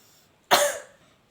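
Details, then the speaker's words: One strong, abrupt cough burst in a quiet room, demonstrated after deep-breathing relaxation and pursed-lip breathing, coughing forcefully to expel airway secretions into a sputum pot; effective cough technique demonstration. "diusahakan batuknya itu agak sedikit kuat supaya sekretnya dapat dikeluarkan dengan baik"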